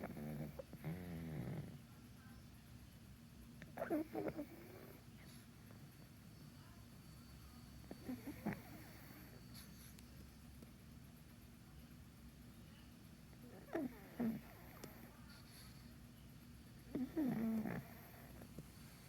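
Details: A sleeping pug with quiet, rattling snores, roughly 14 breaths a minute, over a steady low room hum; snoring.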